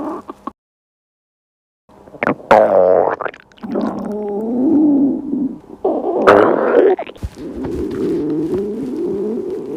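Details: Hunger stomach growling (borborygmi) from a girl on a one-day diet fast: long, loud gurgling and rumbling from the belly with creaky, shifting tones, repeated several times.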